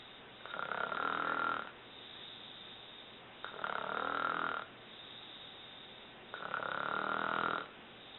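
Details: An adult woman snoring: three regular buzzing snores on inhalation about every three seconds, roughly 20 breaths a minute, with quiet exhalations between; snoring.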